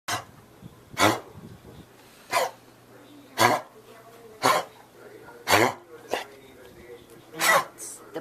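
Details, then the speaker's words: A dog named Bogey gives about eight short, harsh coughing bursts in irregular succession over eight seconds; the owner considers a vet visit. "That's the coughing thing that he's doing."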